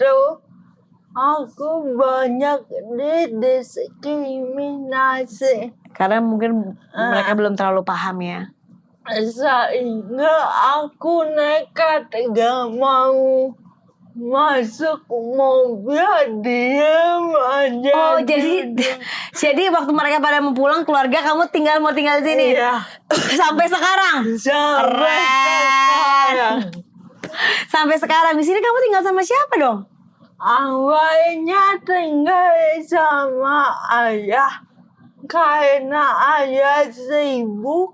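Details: Dysarthria in an adult woman with cerebral palsy, a motor disorder limiting gross and fine motor skills.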